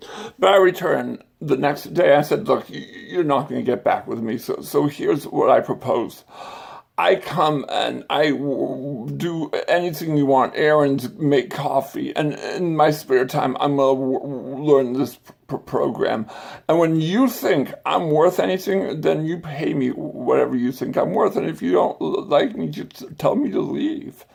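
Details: Adult man with an acquired stutter and speech impediment that began after brain surgery with complications the previous summer; acquired stuttering with speech impediment.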